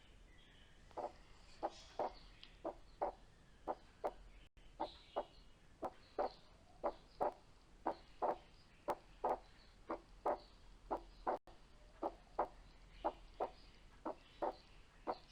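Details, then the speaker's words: Physiological splitting of S2, same recording as before with inspiratory breath sounds filtered out: regular heart sounds, S2 splits, narrows and merges again with the breathing cycle; paediatric cardiology teaching example. "ده هو نفس المثال اللي فات، بس احنا في فلتر شلنا صوت الانسبيريشن عشان ما يضايقناش. فلاحظنا ايه مع في وقت بيبقى فيه سبليتنج ووقت تاني بيقرب من بعضه ووقت بيختفي السبليتنج دوت، وقت يظهر يقل لحد ما يختفي تاني."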